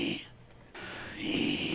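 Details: Female patient before treatment, with interarytenoid pachydermia and a left vocal cord polyp blamed for the air leak, previously told her hoarseness was from reflux; breathy hoarse voice (dysphonia).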